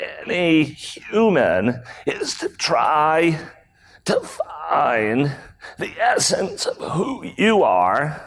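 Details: Adult male with spasmodic dysphonia, a rare voice disorder acquired in 2010; throat muscles spasm and contract when he talks, sometimes making speaking difficult; real speech from a keynote talk.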